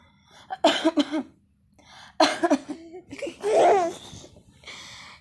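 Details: Two deliberate voluntary coughs from a mother, each followed by her baby's bright giggling laughter in response.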